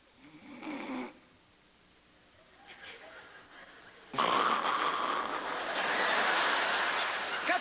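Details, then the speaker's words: Comedian on stage imitates a "stop-and-go" snorer: a snore followed by a silent breathing pause, then loud audience laughter and applause; imitated snoring with apnoea-like pauses. "Lui quand il r les avions pas gè mais la p catégorie de ronfleur par exemple c'est le ronfleur stopingo. OK ça ressemble un peu à ça."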